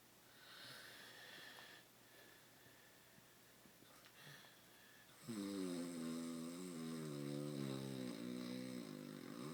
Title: The Longest Snore